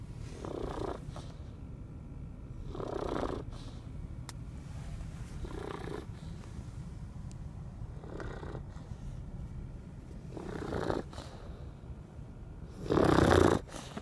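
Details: Rhythmic low rattling snores about every 2.5 seconds, roughly 24 breaths a minute, the last louder; sleep snoring.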